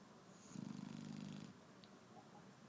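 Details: Shar-pei dog snoring in the morning: a single rough, fluttering snore on the in-breath lasting about a second, then quiet breathing; snoring.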